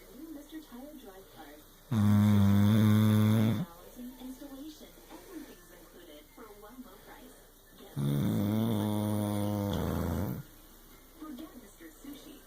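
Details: Tired, worn-out male snoring during sleep: two loud, long, rattling snores with quieter breathing between, about ten breaths a minute.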